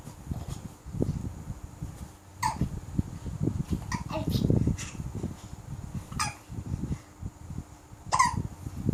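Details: Baby with hiccups: brief sharp catching sounds recur about five times in nine seconds over low rustling.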